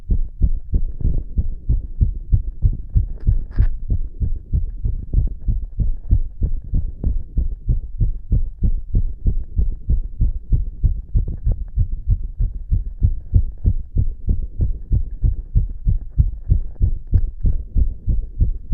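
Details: Self-auscultation with two stethoscopes on the chest after inhaling poppers: fast, regular heart thumps, a rapid heartbeat (tachycardia).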